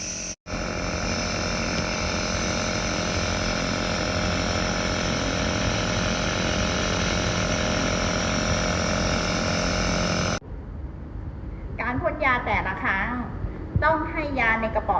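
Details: SK Max (Sekure) W201A compressor nebulizer, 1.6 kg, on household power, 6 L/min aerosol output, running: a steady, loud mechanical hum and buzz for about ten seconds, then it stops and a woman's voice follows.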